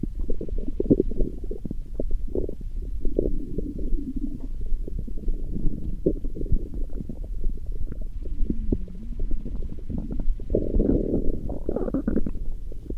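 Continuous low gurgling and rumbling with bubbly pops, rising briefly near the end; normal stomach growling from gut movement.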